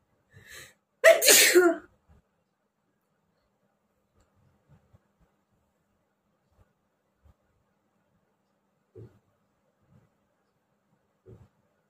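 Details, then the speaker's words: A single loud, explosive sneeze, then near silence with faint sounds, from an adult with a cold who has been sneezing repeatedly for 2–3 days with watering eyes; sneezing. "তো আজকে অনেকগুলোই কিন্তু হ্যাচ্ছো হলো, অনেকগুলোই হয়েছে।"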